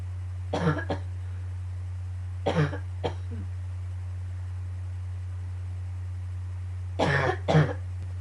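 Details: Just after waking, a morning coughing fit that started to hurt at the end: three bouts of short paired coughs, each a quick double burst, over a steady low room hum; cough.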